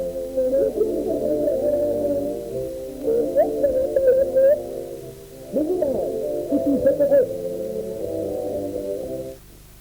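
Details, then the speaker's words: Simulation of severe hearing loss: a familiar film sequence (Little Red Riding Hood dialogue) heard as muffled, dull voices and music with no crisp sounds, as a severely deaf person would perceive it. "Voilà la même séquence et ce qu'entend un sourd sévère."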